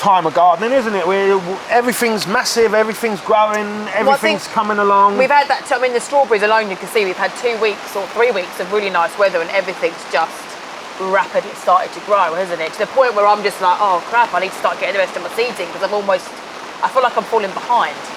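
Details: Adult woman speaking outdoors; normal speech.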